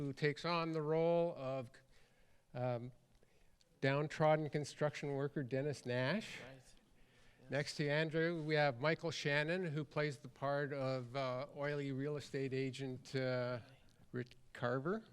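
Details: Adult male speaker; normal voice.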